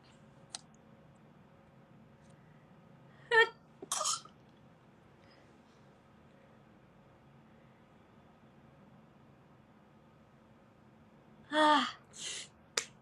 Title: Cute Japaneze girls sneezing くしゃみ107